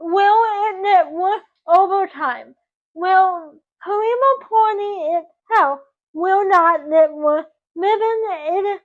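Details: 24-year-old woman with dysarthric speech from cerebral palsy caused by oxygen loss to the brain at birth; doctors predicted she would never talk.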